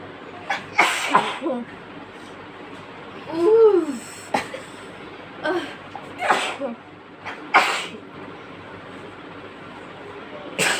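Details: Sneezing fit from sisters: about six sharp sneezes in a row with brief voiced gasps between, more than one person, induced with chikni powder.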